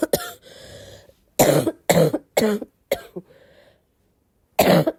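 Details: Fit of about seven harsh, forceful coughs in quick bursts with gasping breaths between, a coughing bout after waking.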